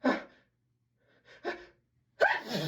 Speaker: Sorry, I have to sneeze again. Sorry, I have to, I need to, you. Sneeze.